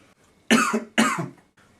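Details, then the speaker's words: Voluntary cough on request during a first-year student abdominal examination demonstration, checking for hernia protrusion at umbilical, femoral or inguinal areas: two short, strong, deliberate coughs in a quiet room. "that's when you when when the patient coughs then there will be a protrusion of them out of the abdomen"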